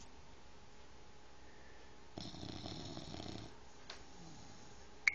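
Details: Single rough, rattling inspiratory snore from a sleeping 5-month-old bulldog puppy in a quiet room; ordinary snoring.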